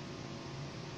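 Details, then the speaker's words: Omron JPN1 automatic upper-arm blood pressure monitor starting a measurement: steady motor hum and hiss as the pump inflates the cuff before it auto-deflates; the reading was 126/90 with pulse 90. "em xin các bạn bơm khí đầy máy sẽ tự xì hơi A và hiển thị thông số huyết áp cho bạn"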